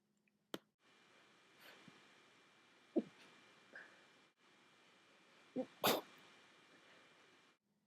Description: I had a major sneeze attack during the night awhile ago. I tried to stifle some of them but it didn't really work.